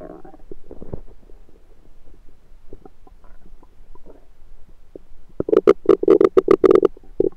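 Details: Bowel sounds (borborygmi) of a rumbling stomach recorded with a USB stethoscope: soft irregular gurgles, then a rapid run of loud gurgling pops.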